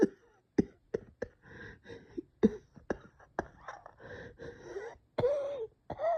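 Repeated sharp, tight coughs with musical, whistling wheezy breaths between them, fitting bronchospasm.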